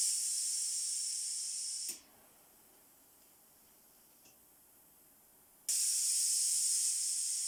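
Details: Low-cost COVID-19 mechanical ventilator prototype under pressure testing with pneumatic valves: a loud, steady hiss of released air cuts off abruptly, a few seconds of quiet, then hisses again; ventilator valve cycling.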